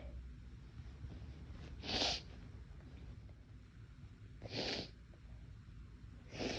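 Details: Induced sneezing from a person whose nose felt more sensitive than usual that day: three soft, hissy sneezes about two and a half seconds apart over low background noise.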